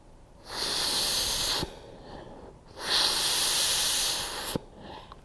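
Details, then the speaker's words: CPR demonstration on an unresponsive, non-breathing person: two long, forceful rescue breaths with a pause between, given with head tilt, chin lift and nose pinched, before 30 chest compressions. "Person's not breathing, so I need to give 2 breaths. I'm going to do head tilt, chin lift, pinch their nose."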